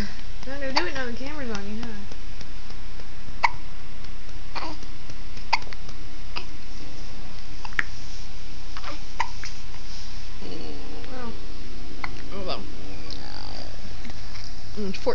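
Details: A 14-day-old newborn hiccuping: soft, sharp hiccup clicks every few seconds beneath an adult's cooing voice, with steady background hum.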